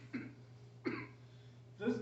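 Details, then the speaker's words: Simulated in a first-aid class: three short, forceful imitated coughs mimicking a choking person with a partial airway obstruction who can still cough. "okay that's choking okay when you hear the person coughing and it sounds like"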